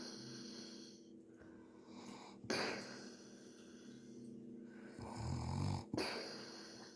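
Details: Adult man (uncle) snoring on New Year: low, rumbling snores on the breaths, with a few sharp bangs in the background; ordinary snoring.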